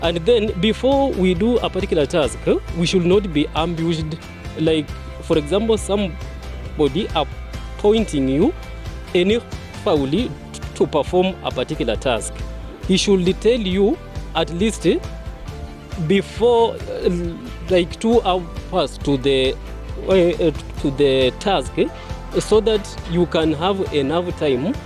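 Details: Adult speaker; stammering.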